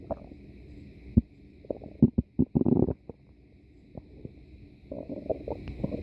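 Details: Irregular gurgles and low rumbling bubbles against a quiet background hum; ordinary stomach growling (borborygmi).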